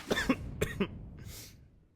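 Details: Person with a sore throat after screaming at a party, coughing hard while gaming around midnight: two quick pairs of short, dry coughs with throat clearing, then a breath out.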